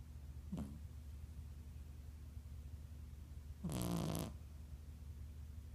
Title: Snoring W 3/15/15